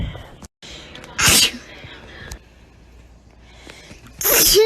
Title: sneeze compilation